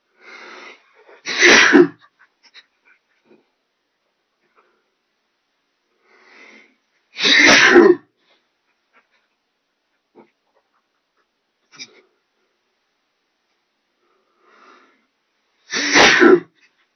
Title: Short Sneezing Fit